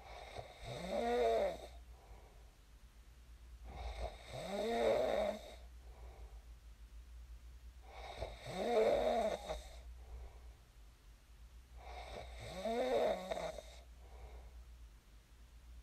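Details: Real recording of a person snoring in their sleep, shared as snoring ASMR: four deep, rattling snores on each in-breath with quiet pauses, about 15 breaths a minute, in a quiet room.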